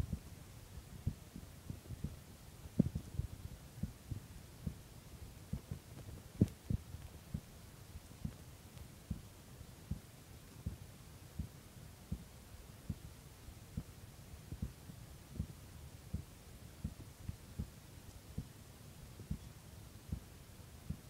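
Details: Morning heartbeat at 6: steady, regular low heart thumps at roughly 75 beats a minute against a quiet hum.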